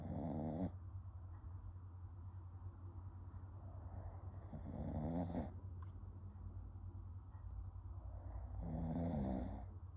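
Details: Soft snoring breaths from someone sleeping with her eyes open, roughly every four seconds, over a steady low hum.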